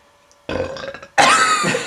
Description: Immature burping, outtakes for an unreleased sketch